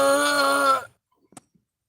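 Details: Woman who also has Tourette's syndrome demonstrating the vocal sound she makes while stimming and rocking when very stressed; she says the demonstration differs from the real stressed sound; stimming vocalization.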